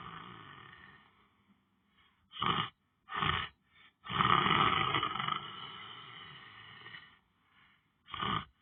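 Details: Person lying on the floor snoring while sleeping: harsh, rattling snore noises in short bursts and one long drawn-out rasp, separated by quiet pauses.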